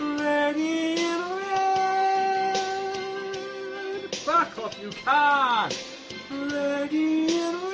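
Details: Involuntary vocal tics, including swearing and exclamations, interrupting karaoke singing in Tourette syndrome.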